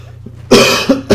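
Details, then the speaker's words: Adult man with a lingering cough since the weekend, described as brutal: three quick, harsh coughs in a row, an acute cough. "well I could by the way you guys can see I'm still caring this cough uh from from the weekend so it's just being brutal"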